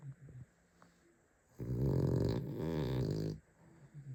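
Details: Sleeping Cavalier King Charles spaniel: one long, buzzing, fluttering snore between quiet breaths; snoring.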